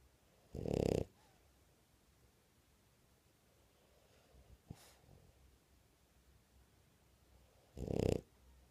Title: Barbie the French bulldog snoring awake